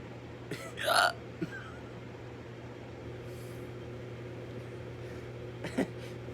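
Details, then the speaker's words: Brief, abrupt gulping hiccups with soft breaths and laughter over a steady hum, during an uncontrollable hiccup fit sometimes brought on by eating or drinking too fast; drinking water stopped them. "well this is a pretty random video but as you just heard i'm dealing with hiccups right now am i and i've heard from my mom and my sister time and time again [Laughter] i sound like i'm stepping on bullfrogs"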